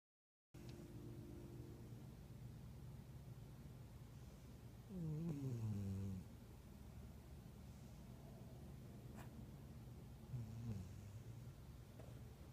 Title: Snoring